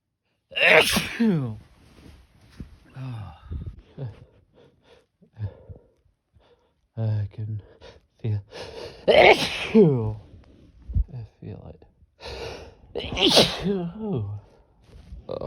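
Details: Several loud, explosive sneezes after golf, each preceded by a sharp intake, with soft talk and sniffing between them; sneezing.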